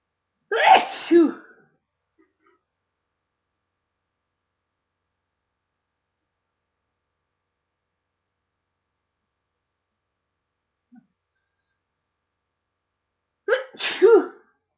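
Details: Loud sneezes: two loud sneezes, each a sharp intake then an explosive burst, separated by a long quiet gap.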